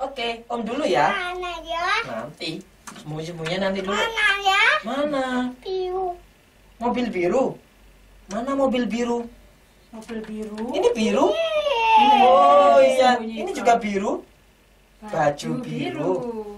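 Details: Adult woman speaking to a child; typical adult speech.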